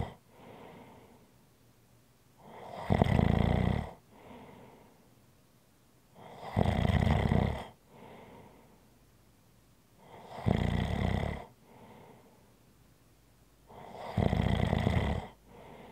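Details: Regular loud, rumbling snores on each breath in, softer breaths out, about 15 breaths a minute; snoring.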